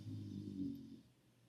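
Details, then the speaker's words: Dog snoring while sleeping under a desk, heard in the background of a recording. "you hear my dog snoring underneath the desk"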